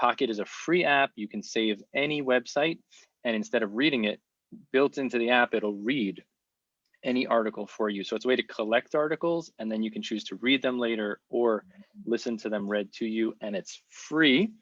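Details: Adult speaker; Plain speech.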